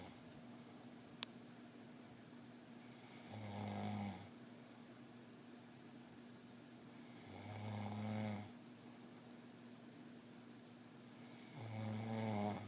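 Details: Person snoring: three long, low, rattling snores about 4 seconds apart, roughly 14 a minute, with quiet pauses and steady room hum.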